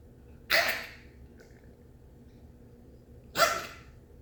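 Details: Two short, sharp, hacking bursts about three seconds apart over quiet room noise: a dog named Tucker coughing.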